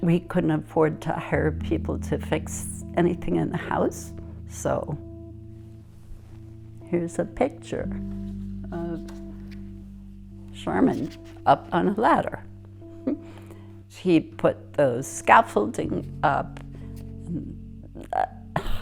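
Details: Adult speaker; typical speech.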